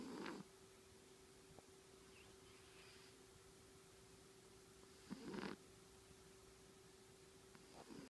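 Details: Soft, brief snorting breath sounds recurring every few seconds over a steady low hum; quiet snoring during sleep.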